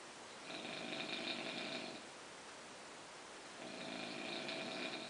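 Two raspy, buzzing breaths with a quiet pause between: snoring during sleep.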